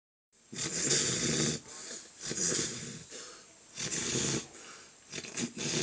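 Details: Father and daughter snoring together during sleep: loud, harsh, rattling breaths in roughly three-second cycles, about 20 per minute; snoring.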